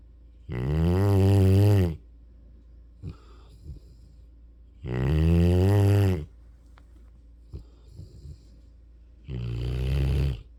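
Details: Mastiff/Rottweiler-mix puppy snoring while asleep: loud, deep, droning snores in long pulls about every four to five seconds, with quiet gaps between.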